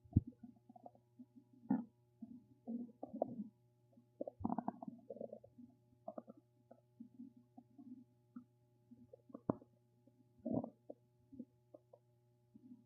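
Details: Gurgling, squelching bowel noises in irregular bursts over a steady low hum; ordinary stomach rumbling.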